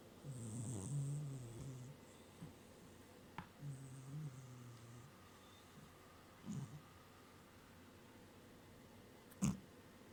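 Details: Snoring in a cat napping on a desk: low rumbling snores on two breaths with quiet gaps between.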